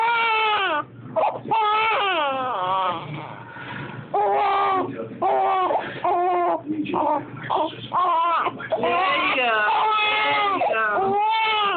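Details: Infant crying during tummy time, unhappy with it: repeated wavering wails with short breaths between them in a small room.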